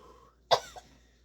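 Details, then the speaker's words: A person with a cough, recommended Canadian cough syrup: one short, abrupt cough with a faint throat-clearing tail. "Shut up. I'm sick of listening you cough."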